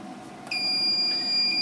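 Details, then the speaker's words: Quiet room, then a steady high-pitched electronic tone as a ThermiVa vaginal radiofrequency device is switched on, set temperature 45 °C, in a demo comparing a faulty unit with a working one; device start tone. "okay so I'm gonna turn your device on here I'll put the frequency up to 8:45 is the set temperature and then here's our elapsed time so let's start"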